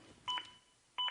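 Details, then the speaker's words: ZOLL AED Plus demonstration, two clear electronic beeps about 0.7 seconds apart: adaptive CPR metronome pacing chest compressions during CPR when not pushing hard enough, prompting a rate of at least 100 per minute. "the beeps act as an Adaptive metronome that monitors my compressions and tries to speed them up to at least 100 per"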